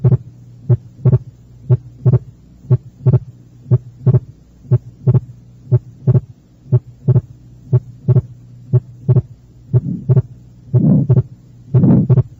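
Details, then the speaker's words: Fixed splitting of the second heart sound, as in atrial septal defect, in a teaching recording: a regular heartbeat near 60 a minute with S2 split unchanged through respiration, plus a harsh, medium-pitched systolic murmur. "eso fue un desdoblamiento fijo del segundo ruido cardíaco como sucede en las comunicaciones inter auriculares el segundo ruido cardíaco está desdoblado y el desdoblamiento no cambia de manera evidente con la respiración"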